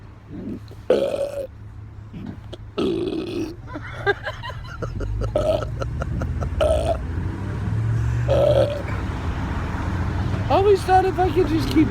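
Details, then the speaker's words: Man nearly 30 with frequent involuntary burping for at least 4 years: a long run of loud, repeated belches with brief pauses, low road noise behind. "And now I'm about to be 30, so I'm stuck with burps. They just come out."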